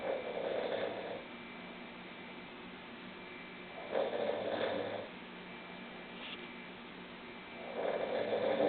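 Steady, droning snores about every four seconds, with quiet gaps between; regular snoring.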